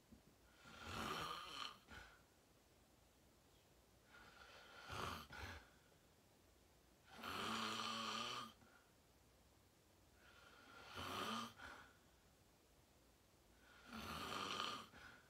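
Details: Real sleep recording; person fell asleep fast, around 8:45, and slept deeply, reportedly REM. Five loud, rough snores at an uneven rhythm of about 19 a minute, with quiet pauses between. Loud snoring.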